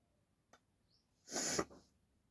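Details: Sneeze deliberately induced with a cotton bud in a sneezing challenge, no hanky: a brief intake, then one sharp hissing burst of air through nose and mouth; a single sneeze.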